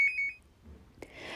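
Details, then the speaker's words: Oricom Babysense7 infant breathing-movement monitor, sensor pads under the cot mattress: shrill, rapid alarm beeping, loud as a smoke alarm, that sounds when the baby's breathing movements stop or slow significantly. "in the event that a baby's breathing movement rate stops or slows significantly this audible and visual red alarm will activate as you can hear it is a similar noise level to that of a smoke alarm"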